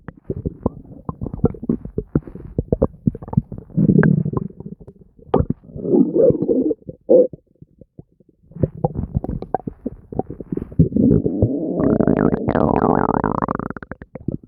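Nearly continuous loud gurgling, bubbling and rumbling from the abdomen with rapid popping bursts: active, ordinary bowel sounds.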